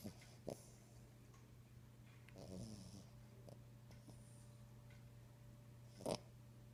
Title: #snoringcavalier Treasure fell asleep in my arms. Yes, Cavaliers snore:)